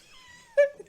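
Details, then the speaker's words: Hiccup from a podcast host during a recorded conversation, just before the host apologises for having hiccups. "Desculpa. eu tô com um soluço. Eu vou te cortar."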